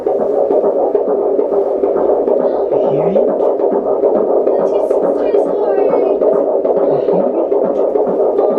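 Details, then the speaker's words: Fetal heartbeat at 20 weeks of pregnancy on Doppler, rapid whooshing pulsing beat about 136 per minute with steady hum; baby girl, described as beating very fast. "my God, it's beating so fast. That's your baby sister."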